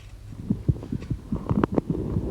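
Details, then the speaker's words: Puppy Amber (2.5 kg) at a vet check, stethoscope just behind the elbow: soft, rapid low thumps, "bum bum bum bum", with some handling noise; normal heart sounds. "What does it sound like? It sounds like it's going bum bum bum bum."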